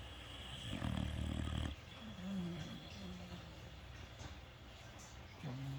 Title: The Sleeping / Snoring Critters 🤪🤪😴😴😴